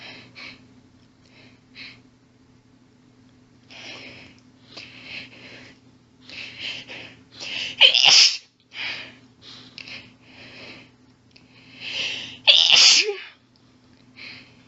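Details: Female sneezing fit brought on by stifling: many heavy hitching breaths build up to two strong, fast sneezes over a steady low hum; an intense rapid fit that left her barely able to get enough air.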